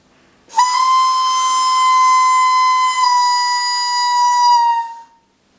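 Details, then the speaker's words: Loud whistle from a trainer whistle inhaler as a deep, fast breath is drawn in, after checking, priming, holding upright and exhaling, with breath-hold up to 10 seconds; demonstration of inhaler technique. "this is a trainer whistle one, so it'll make a loud noise."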